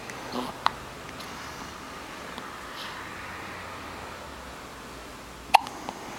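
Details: Two sharp, abrupt hiccup sounds several seconds apart in a quiet room with faint background hiss, from a child; hiccups.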